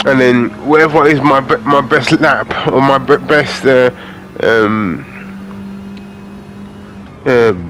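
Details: Adult man with aphasia following a major stroke in August 2013, doing spoken gaming commentary as speech practice; aphasia.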